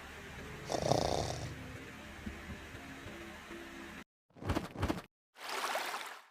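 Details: Sleeping Chihuahua gives two short rattling snorts then a soft, breathy exhale, faint background music beforehand; snoring.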